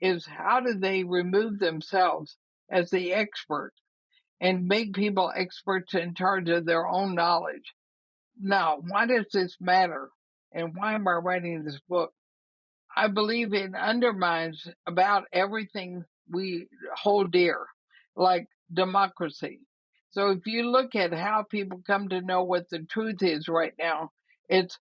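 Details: Woman about 80 years old diagnosed with ALS (Lou Gehrig's disease), who says she already has quite a bit of trouble speaking but thinks she is still intelligible; dysarthria (ALS).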